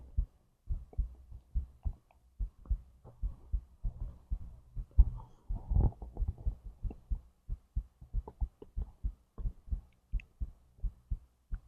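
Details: Normal heartbeat: steady low thumps at about 80 beats a minute, with faint digestive gurgling in between, recorded alongside digestion from stomach to intestines.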